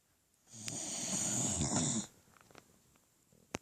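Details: Beagle dog snoring: a single loud, rattling snore on an in-breath lasting about a second and a half, followed by quiet.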